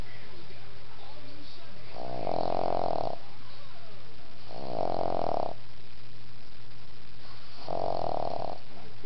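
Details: Sleeping dog lying between a person's legs: three loud, rhythmic snoring bursts about every 2.7 seconds, roughly 22 breaths a minute; ordinary snoring.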